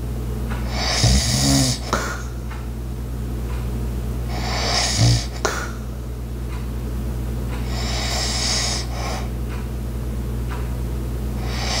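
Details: Light snoring: rhythmic rough snores on each breath, about every three to four seconds, over a steady appliance hum, with ice maker, clock and walking sounds in the background.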